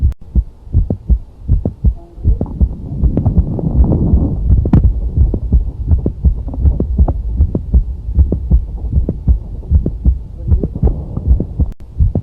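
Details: Heart sounds at about 79 beats per minute with an extra sharp mid-systolic click between the first and second heart sounds.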